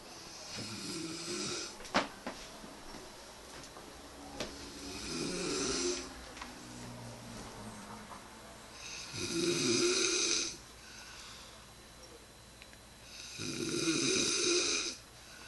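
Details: Snoring in a sleeping person (reportedly denies snoring): hissing, rattling snores about every four seconds, roughly 14 breaths a minute, with faint room clicks.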